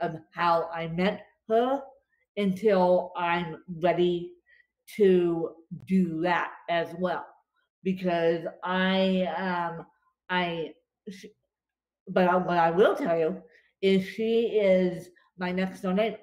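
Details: Adult woman with cerebral palsy affecting limbs and brain, speech worse after a bad spasm day; dysarthria (cerebral palsy)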